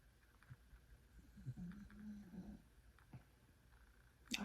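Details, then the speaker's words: Female dog snoring while asleep, heard during speech; owner asks whether viewers can hear her. "I don't know if y'all hear my dog but she's snoring right"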